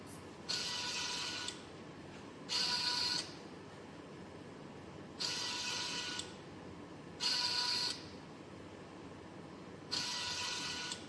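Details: Homemade Arduino Mega/ESP32-controlled emergency COVID-19 mechanical ventilator running: repeating motor and gear whir bursts, about 13 cycles a minute, separated by quieter pauses as it cycles breaths.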